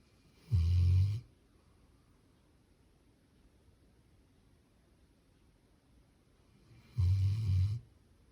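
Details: Labrador sleeping after a walk, snoring loudly: two deep, low snores about six seconds apart with near silence between, roughly nine breaths a minute.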